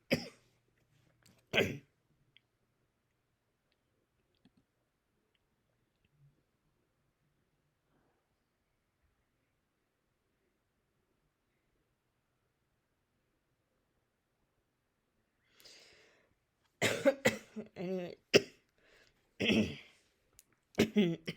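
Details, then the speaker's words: Scattered short dry coughs with a long quiet gap from a woman with throat irritation after intubation during surgery, recorded while reacting to a video. "all for this one and sorry if I'm coughing a little during this um I'll put the reason why in the description"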